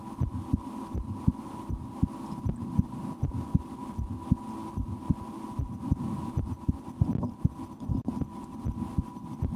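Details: An adult's own resting heartbeat, heard through a stethoscope: steady soft thumps at about 80 per minute over a background hum. Normal heart sounds, with some breath-holding and attempts to speed the heart up; the stomach is also digesting after lunch.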